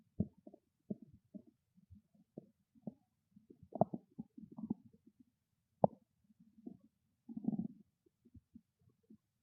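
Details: Loud stomach growling from a hungry stomach: borborygmi.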